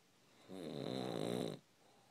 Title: snoring